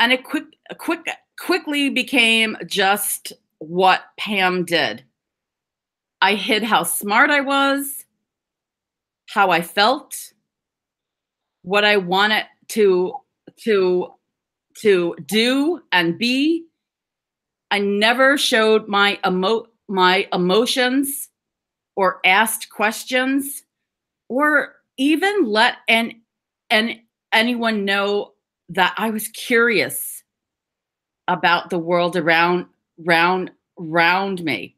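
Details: Adult woman who describes herself as a person who stutters/stammers and serves on the National Stuttering Association board, giving a stuttering awareness talk; stuttering.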